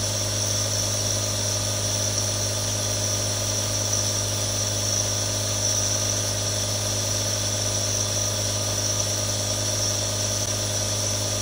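Steady mechanical hum with a hissing, buzzing drone and no change throughout; a nebulizer running continuously.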